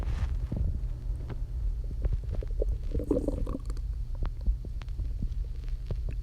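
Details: Stomach growling from hunger after not eating all day: low, continuous rumbling and gurgling from the belly, with a bubbling squelch partway through.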